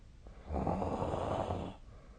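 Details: Snoring during overnight sleep, recorded 2025/01/16 with the SnoreLab app: a single low, rough breath noise lasting about a second.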